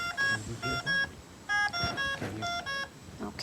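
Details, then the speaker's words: Repeating bursts of stacked electronic tones from a V60 BiPAP ventilator during simulation training; active ventilator alarm that needs assessment. "and that's the way the ventilator alarms so if you hear that noise that will be an active alarm that you will have to assess"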